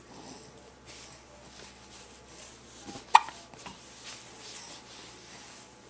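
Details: Hiccups recorded on a Flip Video camera: one abrupt, sharp hiccup over faint room noise.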